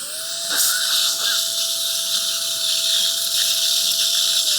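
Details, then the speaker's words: Continuous high-pitched whine with hissing spray from a dental surgical drill preparing a site for a 2.0 x 11 mm mini implant on the right lower jaw, rescuing a woman's failed conventional implant denture. "Okay, got a good hole there."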